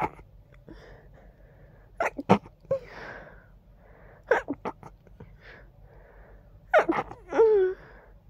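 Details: Stifled sneezing with nasal congestion: three bursts of quiet, held-in sneezes, each a quick double or triple puff with breathy inhalations between, ending in a brief voiced sound.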